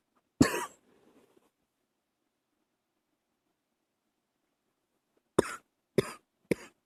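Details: Early-morning coughing held back to stay quiet: one sharp cough, a pause, then three quick short coughs, four in all, plain and dry-sounding. Cough.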